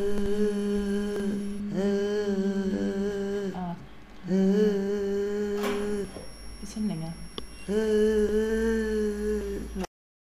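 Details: Bilateral Reinke's edema before surgery, recorded during videostroboscopy; low-pitched sustained vowel.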